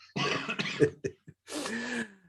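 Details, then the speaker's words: Cough: an adult who says they still have a lingering cough, apparently after having had COVID, gives a short run of harsh, rough coughs ending in a throaty, voiced clearing sound. "so i've still got there yeah i still got a bit of a cough"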